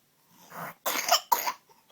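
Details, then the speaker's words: A recovering infant girl gives two sharp, forceful coughs in quick succession after a soft breath in. The cough is described as powerful and she is said to be getting better. "it's a powerful cough mhm she's really getting better"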